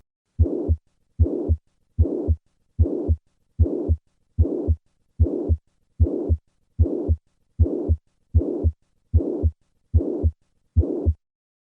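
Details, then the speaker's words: Mitral regurgitation: regular heartbeat about 75/min with a steady blowing pansystolic murmur filling systole right up to the second heart sound, typical of a regurgitant rather than ejection murmur; pansystolic murmur. "This pansystolic murmur is classic for mitral regurgitation. One feature that distinguishes regurgitant murmurs from ejection ones is that they tend to go all the way to the second heart sound."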